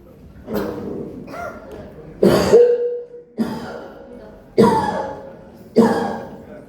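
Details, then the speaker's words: Doctor imitating a cough of COPD or asthma: about five harsh, tight coughs through a constricted airway; simulated airway cough. "these are the cuff of either COPD or asthma you can see it is coming through the airway okay COPD and Asthma will have bronchial this Airway construction"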